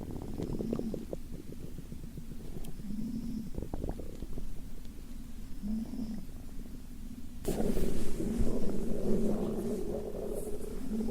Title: Sleeping girl with snore while hungry.